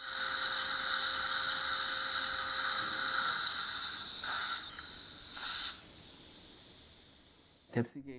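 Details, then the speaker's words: Guided implant surgery at site #45, lower right, in a 67-year-old woman after socket preservation: high whirring 3.5 × 10 mm OneGuide drill with brief bursts from pumping action to limit bone heating. "3.5 by 10 mm OneGuide drill is used. Drilling was done. I am making sure that pumping action is done to minimize heat generation as I did initial drilling."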